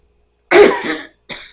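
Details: One strong cough followed by a softer second cough, from an adult with cough-variant asthma, asthmatic since birth, with a slow exhale.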